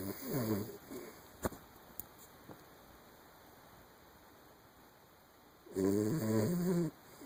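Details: Lucy, a 10-year-old miniature Dachshund, asleep, gives two loud, rattling, low snores separated by a quiet pause; snoring.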